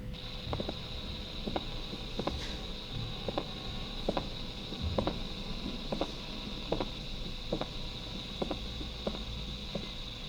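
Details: Heart sounds at about 70 a minute with a sharp extra early diastolic sound, poor-quality recording in constrictive pericarditis teaching: pericardial knock.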